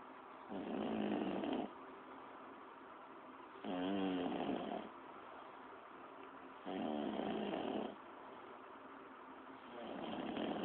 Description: Do I snore loudly or quietly?